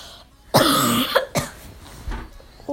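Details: Two abrupt, harsh coughs with a throat-clearing quality, recorded close to the microphone in a small room by a speaker who had been up all night without sleep; coughing blooper.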